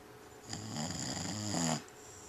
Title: Sleeping & Snoring